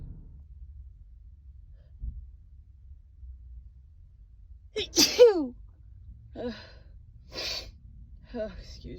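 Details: Woman with a cold: quiet room, sharp gasping build-up, then one loud voiced sneeze followed by small sighs and breaths; sneeze.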